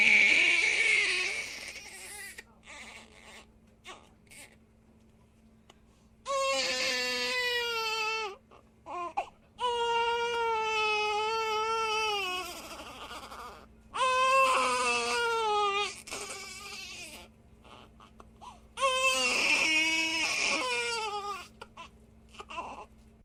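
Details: A baby cries in long, loud wails broken by gasping breaths and quieter whimpers.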